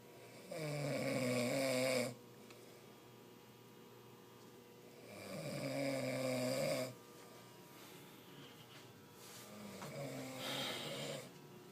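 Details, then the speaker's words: Three long, loud, rattling snores on breathing in, about 13 a minute, with quiet gaps, from a man asleep around 4:30 am; heavy snoring that keeps his roommate awake; snoring. "he could wake up the dead he'd wake up to death with that snore"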